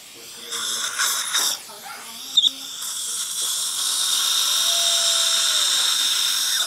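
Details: Brief clinks and mouth sounds, then a steady high-pitched dental drill whine while placing a further mini implant after extraction of decayed, broken teeth #12 and #14.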